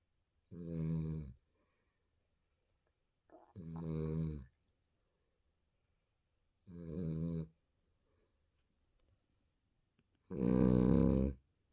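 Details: Baby snoring in sleep: four separate snoring breaths with brief quiet gaps, the last the loudest and rough.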